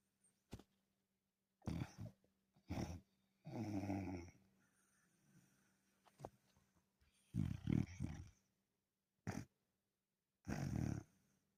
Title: #romedog #dogdog #snoring